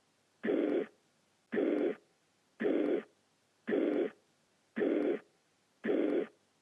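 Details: Regular blowing murmur filling each beat at about 56 per minute, with background music; holosystolic murmur of mitral regurgitation (Mitralklappeninsuffizienz), a teaching recording.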